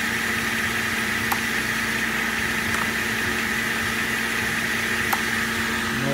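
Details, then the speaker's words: Improvised ventilator built from hardware-store parts with a hardwood crate, running at about 70% oxygen with safety valve and test lung: steady mechanical hum and occasional sharp valve clicks; flow, patient pressure and work of breathing monitored by software. "Okay, this is a rudimentary ventilator made out of parts you can buy at Home Depot for a hardwood crate."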